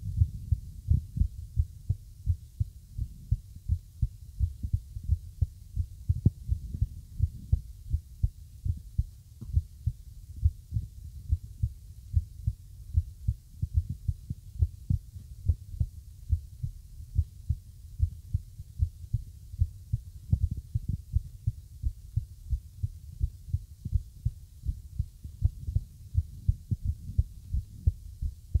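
Muffled heart sounds with uneven spacing between beats, an irregular heart rhythm.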